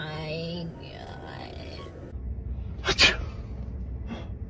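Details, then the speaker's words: A single sharp, explosive sneeze after a brief intake, during a lash-appointment prank, with talk and faint music around it: sneezing. "I'm so sorry, babe. I just sprayed snot on you."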